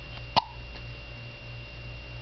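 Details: Baby girl, trying to sit up, with hiccups, recorded in a hotel: a single brief, sharp hiccup over steady room hum.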